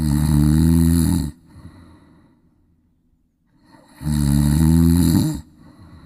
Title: Forcing my mum to snore 🤣🤣🤣🤣🤣🤣🤣🤣